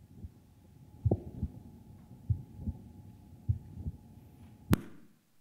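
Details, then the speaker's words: Heart sounds played during a talk on an intelligent stethoscope: paired low sounds at about 50 a minute, peaks from valves opening and shutting, quiet between beats; normal heart sounds. "so you have Peaks in your heart sounds that's the vowels opening and shutting and in between those you shouldn't hear any sounds as the blood goes smoothly out of the valve so hopefully the sounds working this is what it should sound like"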